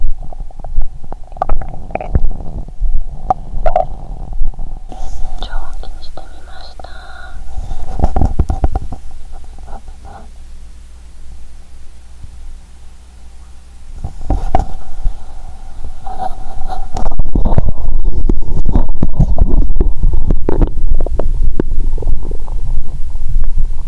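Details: Woman after a large Christmas dinner with wine following 22-hour fast, stomach still swollen, stethoscope on abdomen: low gurgling and rumbling; normal bowel sounds of digestion.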